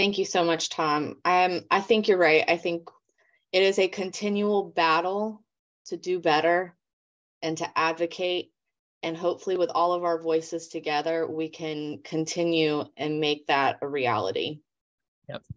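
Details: Adult woman speaking; normal speech.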